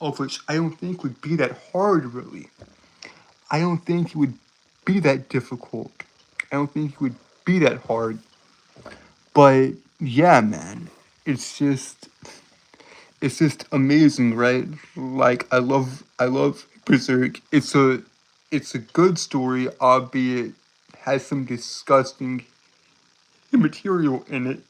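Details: Stuttering in a male streamer who says he has a speech impediment that makes him stutter and trip over his words.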